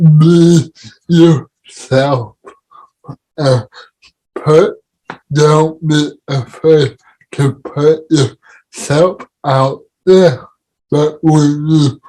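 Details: Adult man with cerebral palsy: dysarthria in cerebral palsy.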